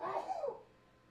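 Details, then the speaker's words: Adult man who has allergies and has been outside cutting grass gives a single loud, voiced sneeze with falling pitch nearby in the room, fading within half a second: a hearty sneeze. "Did you hear that? That was my husband sneezing. He's been outside cutting grass."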